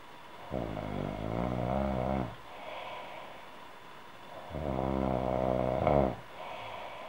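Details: Woman snoring: two long, rattling snores on inhaled breaths about four seconds apart, with quieter breathing between them.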